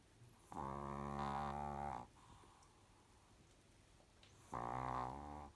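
Two long, loud, buzzing snores separated by quieter breathing; ordinary snoring in a sleeping small dog.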